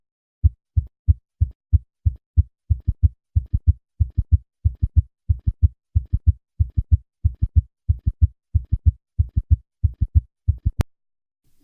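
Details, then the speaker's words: Summation gallop: three normal beats near 92/min, then S3 and S4 superimposing as a single loud extra diastolic thump in each cycle. "listen to a patient with a summation gallop I will start with three normal beats and then add the summation gallop"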